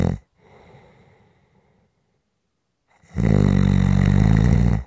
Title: SNORING For Rest Relaxation Sleep and White Noise